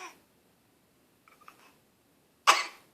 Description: I was on the computer when fake coughs to get my attention.